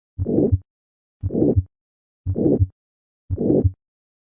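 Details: Gallavardin phenomenon in calcific aortic stenosis: regular heartbeat near 58 a minute with a harsh late-peaking systolic murmur at the apex, sometimes mistaken for mitral regurgitation.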